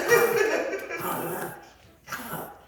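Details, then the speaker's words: Dog reverse sneezing: harsh, noisy snorting breaths drawn in through the nose, described as a dog sneezing backwards. "what is that Rudy reverse your dog reverse sneezing yeah we don't do it normal we do everything reverse this is a dog sneezing backwards"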